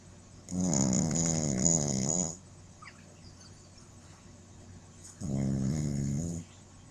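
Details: A sleeping Shih Tzu puppy, possibly dreaming, gives two long, rumbling, voiced snores separated by a quiet pause: snoring.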